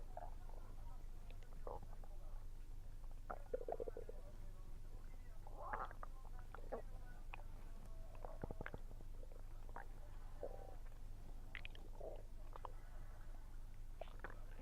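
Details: Active bowel sounds while eating, attributed by the recorder to low atmospheric pressure: soft gurgles, squeaks and bubbling pops over a steady low hum; some chewing noise.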